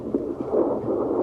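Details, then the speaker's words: Fetal heartbeat on Doppler at 17 weeks of pregnancy: rapid, regular whooshing pulses at 153 beats per minute, stated as absolutely normal. "and your baby's heartbeat, which you can hear, is 153, which is absolutely normal."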